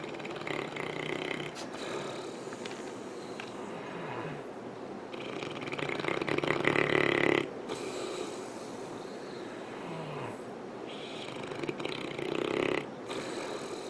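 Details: St. Bernard dog asleep on a couch, snoring loudly with rough, rattling breaths rising and falling over several breaths; snoring.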